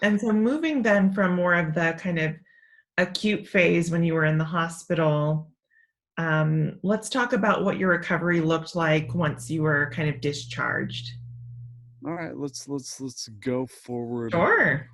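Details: Adult speaker; normal speech.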